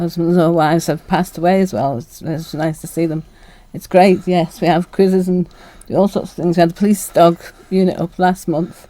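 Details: Woman diagnosed with Parkinson's disease 16 years ago, on medication that keeps her moving, with speech affected and handwriting lost: hypokinetic dysarthria (Parkinson's disease)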